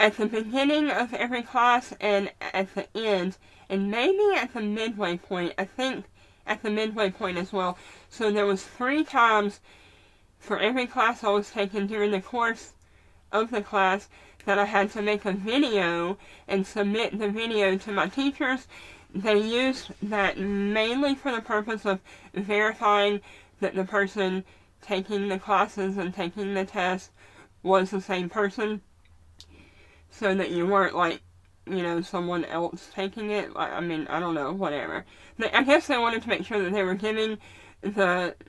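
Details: Adult woman with stage 4 adenoid cystic carcinoma treated with surgery, radiation and gamma knife; no hard palate, speaking with her prosthetic obturator removed and working harder to produce sound; hypernasal speech (palatal defect).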